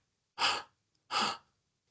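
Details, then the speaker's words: An adult imitates a tubular (bronchial) breath sound of consolidation by blowing loudly through an open mouth shaped for the vowel A: two harsh blowing breaths. "Si yo quiero repetir ese sonido y compararlo con lo que encuentro en el paciente, es muy fácil. Pongo la boca con los labios como para pronunciar la vocal A y aspiro y hago así."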